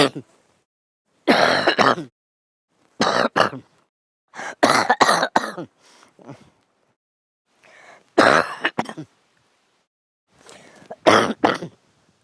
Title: Men cough during sleep